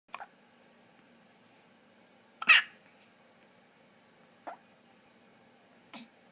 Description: 30 seconds of baby Hiccups to make your day!